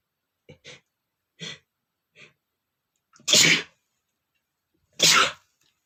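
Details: Adult male sneezing, attributed to dust allergy: several short catching breaths, then two loud explosive sneezes in a sneezing bout.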